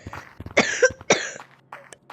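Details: Coughing fit while playing Gorilla Tag: two harsh coughs in quick succession with throat-clearing around them.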